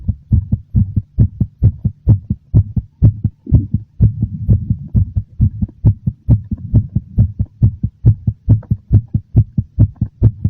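Strong, regular low thumps in quick succession with a faint hum behind them: a slightly fast heartbeat.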